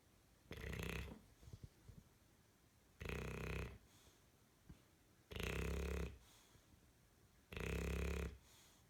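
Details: Loud snoring from Bronson: four slow, loud, low rattling snores on in-breaths, about one every two seconds, with quiet pauses between.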